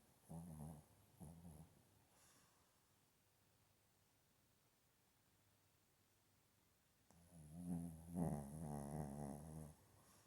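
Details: Shih Tzu sleeping with its tongue out, snoring: low rumbling snores on inspiration, a few short ones and then a longer snoring stretch, from a small flat-faced dog.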